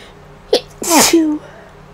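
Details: Single sneeze in a person home sick with a suspected cold or flu, no fever the day before: a short indrawn breath, then one loud explosive sneeze with a brief voiced tail.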